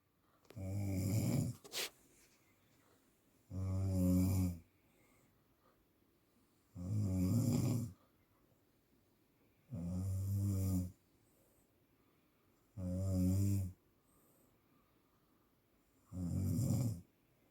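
Six loud, low, rattling snores at a steady pace of about 19 per minute, each about a second long, with quiet between.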